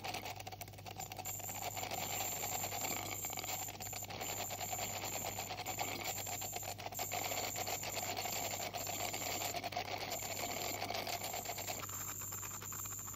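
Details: Ultrasonic scaler used by a dental hygienist on a 44-year-old woman's teeth with heavy plaque and tartar: steady high-pitched whine with buzzing and suction hiss during tartar removal.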